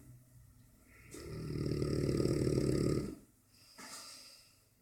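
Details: Bubba, a Dogue de Bordeaux dog, asleep: long, loud, low rattling snore on the in-breath, then softer start of next breath; snoring often loud enough to drown out the TV.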